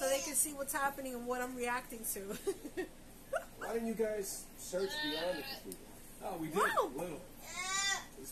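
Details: Vocal tics in an adult woman with Tourette syndrome, triggered by watching video games with flashing lights and noise; real, not acted.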